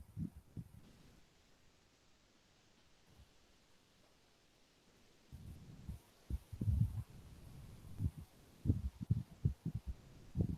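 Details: Recorded normal heart sounds played as a reference in a cardiology teaching seminar, before abnormal murmurs.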